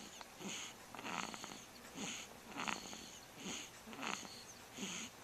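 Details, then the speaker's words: A sleeping baby recorded on a Flip Video camcorder snores on each breath, about 42 breaths a minute, with rhythmic noisy breaths that have a whistling, wheezy edge. "is snoring."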